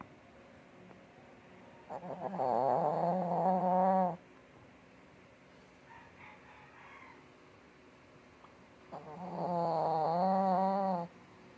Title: Cute Shih Tzu snoring | #maria #animals #cutedog #shorts #shortfeed #dogsnoring #dog